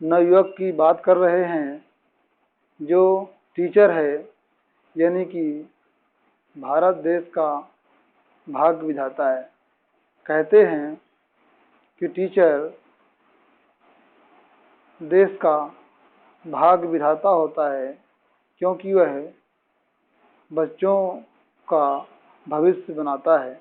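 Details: Adult male speaker; ordinary speech.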